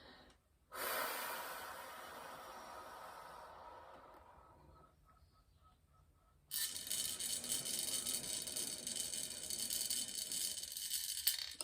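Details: A long exhalation, a pause, then a sustained slow airy inhalation through an incentive spirometer mouthpiece, by a woman with mixed connective tissue disease during a major flare-up, doing lung-expansion breathing; incentive spirometer breathing.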